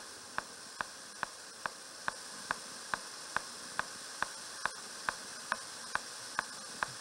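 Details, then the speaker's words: Needle EMG fibrillation potentials: sharp, very regular clock-like clicks about 140/min over steady hiss, slowing and fading over time; following positive sharp waves, a hallmark of denervation or muscle inflammation. "You don't even see this. Nothing else fires like this except a fibrillation. This is, you just hear that sitting in another room and you know it's a fibrillation firing. Very regular like a clock."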